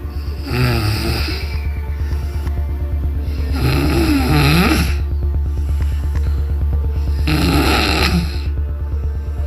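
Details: Sleeping cat snoring: three rough snores about every three seconds, with steady background music.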